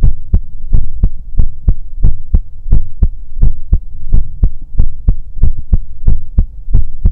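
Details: ASMR sleep-aid role-play recorded with a 3Dio binaural microphone, listening on the chest of a sleeping character: soft, regular lub-dub heartbeat at about 90 a minute with faint background hum; normal heartbeat.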